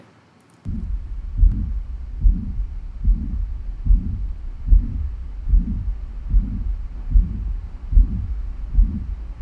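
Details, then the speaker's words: Teaching recording of mitral regurgitation: a regular heartbeat at about 73 a minute with a blowing systolic murmur at the fifth intercostal space, midclavicular line, and a quiet, decreased S2; systolic murmur with reduced S2. "It is a systolic मरमर, it is blowing in character, present in fifth intercostal space, mid clavicular line. अच्छा, S2 decreased in intensity."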